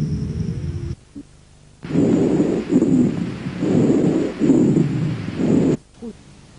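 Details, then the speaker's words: Teaching recording of respiratory auscultation, seated patient: dry rales from bronchial obstruction, low coarse rumbling sounds with musical tones, predominantly respiratory, heard in spasmodic bronchitis, asthma and emphysema: wheezes and rhonchi. "escuchen entre los estertores secos provocados por obstrucción bronquial escuché a continuación las civil ancianas y los roncos que son a predominio respiratorio o no um"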